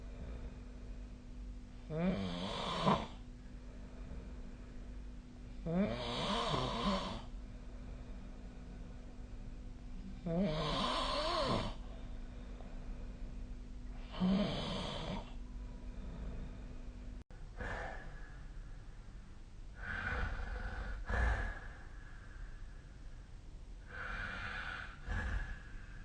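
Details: Repeated rattling inspiratory snores during sleep, roughly every four seconds, with quieter breathy snores after.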